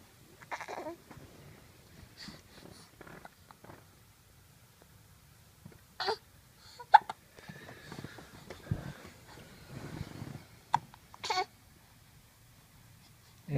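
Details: About seven short, abrupt bursts at irregular intervals in a quiet room; hiccups.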